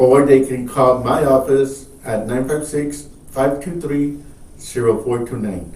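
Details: Adult man speaking; Normal speech.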